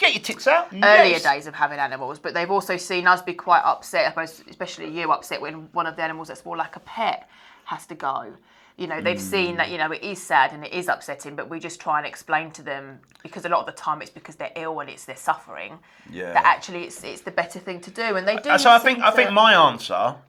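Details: Adult woman speaking; normal speech.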